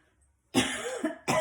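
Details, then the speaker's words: Adult coughing hard while starting a home yoga hip session, reporting she is coughing heavily tonight after being at Costco and can't get a breath; two harsh coughs, a longer rough burst then a second right after. "I am coughing like crazy tonight and I was at Costco"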